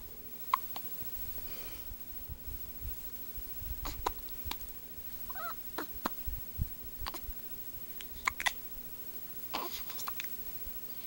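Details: Hiccups: scattered short, sharp catches, some squeaky, amid room noise and rustling.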